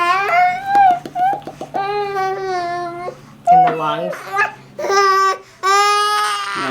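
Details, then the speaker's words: Loud, voiced crying in repeated bursts with catch breaths from a miserable, very congested infant twin under one year old. He was diagnosed with croup the night before and given a first steroid dose; lungs sound clear. "make sure they're okay he's just miserable yeah you can tell he's miserable"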